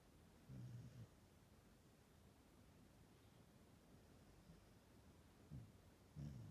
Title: 【さなちゃんのいびき】Australian shepherd Sana is snoring in her napping